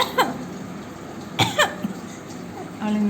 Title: Immitating cough